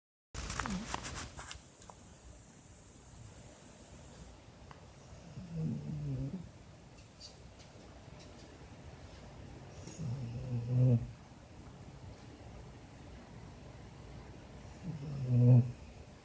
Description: Dog snoring-english springer spaniel sound asleep